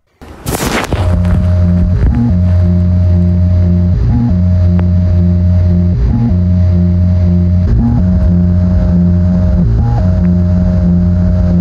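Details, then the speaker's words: A steady mechanical hum with a brief pitch shift about every two seconds, from an artificial heart surgically placed in a man's chest. "This is what the heartbeat of an artificial heart sounds like."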